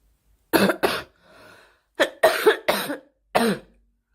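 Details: Girl coughing, about six short, sharp coughs in two bursts separated by a soft breath in, in a quiet room; cough.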